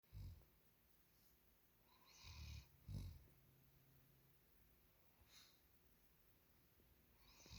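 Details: German Shepherd dog in deep sleep, snoring.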